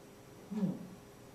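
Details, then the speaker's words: Simulated mild high-frequency hearing loss: a single muffled spoken spelling-test word ("word number one"), demonstrating how speech sounds to a child without a hearing device/cochlear implant switched on. "this has turned all the way up here's the last test a sympton of a mild high frequency hearing loss"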